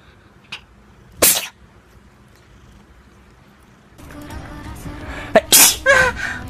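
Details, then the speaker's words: Person whose sneezes are said to sound like a cat's: two short, sharp, high-pitched, squeaky sneezes with faint background noise. "people say i sneeze like a cat"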